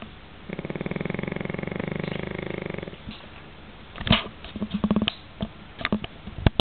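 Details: Snoring in a sleeping Pekingese dog: one long rattling, fluttering snore on an in-breath, then quiet room with a few soft clicks and snuffles.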